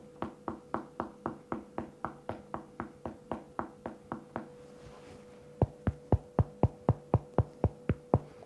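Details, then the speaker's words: Self-demonstration of rapid finger-percussion taps over one's own air-filled abdomen, giving a hollow, booming hyperresonant percussion note. "now if you want to hear hyper resonance so that's you definitely need to percuss an organ that has a lot of air so your tummy is the best right so you go"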